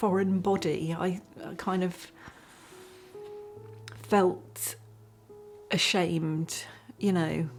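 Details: Person with aphasia after a stroke; aphasia.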